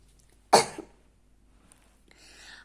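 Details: Cough.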